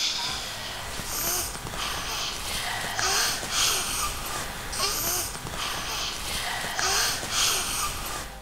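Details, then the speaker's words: Child's expiratory wheeze during an asthma episode: noisy breathing with high, musical whistling on each breath out. "Sometimes you may hear wheeze or a whistling sound when your child breathes out. It sounds like this."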